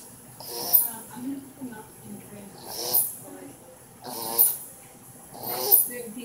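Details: Noisy breaths with a musical, whistling tone at an irregular pace: wheezing, consistent with narrowed airways.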